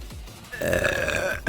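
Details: Single drawn-out voiced belch lasting about a second during a vtuber livestream, faint background music; ordinary burping.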